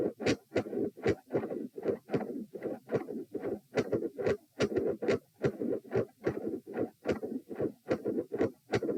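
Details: Midsystolic heart murmur recorded lying down at position p during attempts at a Valsalva manoeuvre: a loud, bouncy midsystolic murmur, with patterns of three and four sounds.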